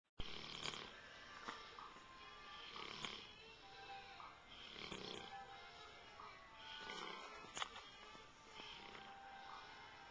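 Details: River, a black Labrador, snores softly and rhythmically while sleeping, about one breath every two seconds, with music in the background; loud snoring in a dog.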